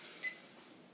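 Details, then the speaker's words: Ambulance transfer infusion pump switched on after the line is flushed and clamp closed: a single short electronic power-on beep over quiet room hiss. "now it's closed we're ready to go on the pump I'm going to turn it on"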